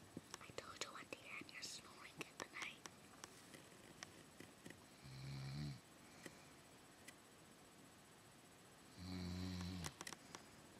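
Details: An adult woman (an aunt) snoring at night, recorded at her request: two low, buzzing snores several seconds apart, with whispering and faint rustling in a quiet room.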